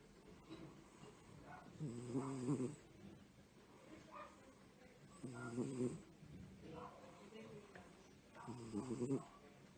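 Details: Female pet cat snoring: soft rhythmic snores with a low fluttering rattle on each in-breath, about 18 breaths a minute.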